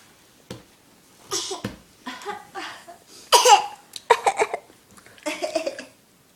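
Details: Infant boy gives several short, deliberate playful coughs mixed with giggly vocal sounds to get attention: voluntary cough.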